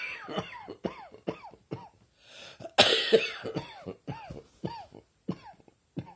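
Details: Adult with a summer cold coughs in rapid, repeated bursts, about fifteen in six seconds.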